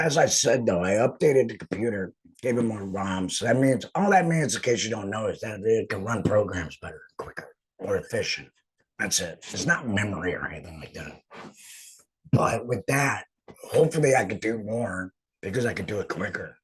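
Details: Man about two and a half years after laryngectomy for cancer treated with chemo and radiation, wearing an HME; stoma hurts with heavy talking; finding: alaryngeal (esophageal) speech after laryngectomy.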